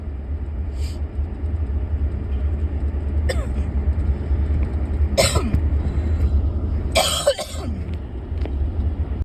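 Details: Persistent cough the person cannot shake: several short, irregular cough bursts over a constant low engine rumble.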